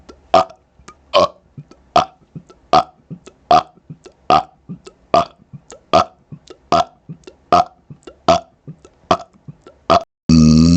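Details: Deliberate burps recorded up close to a laptop microphone, head over the screen for closed-mouth burps: a run of about a dozen loud burps at a steady pace, small sounds between, music at end.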